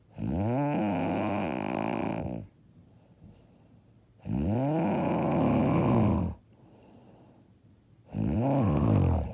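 Three long, loud, rattling snores about two seconds each with quiet gaps, roughly 16 a minute; heavy snoring during sleep.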